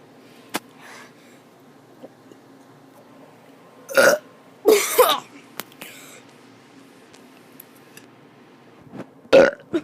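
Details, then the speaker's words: Child doing deliberate burps after eating Carl's Jr. for lunch: several loud burps with quiet pauses between; ordinary belching. "i'm gonna be doing some burps oh that was terrible sorry"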